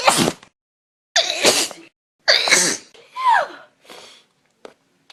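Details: A person allergic to dust, sneezing in a dusty room (possibly a cold, she wonders): several loud sneezes in a row with breathy intakes and a brief sniff.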